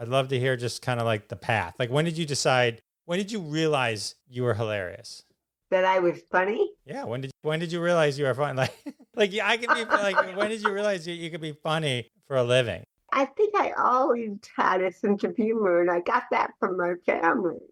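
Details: Adult speakers in conversation; typical speech.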